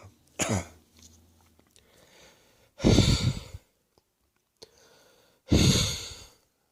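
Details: Close-up recording of a wheezing chest turning into an uncontrollable coughing fit: three harsh, loose wet coughs with rattly, wheezy breathing between them.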